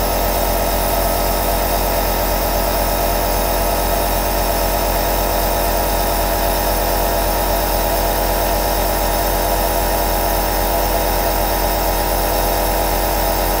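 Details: Two compressor nebulizers (aerosol devices) running together: a steady, unbroken motor hum with a fast mechanical buzz and a faint hiss, unchanged throughout.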